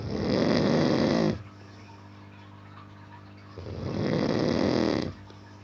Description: Snoring sound of a man who is deep in sleep play this sound and keep on doing your work at night .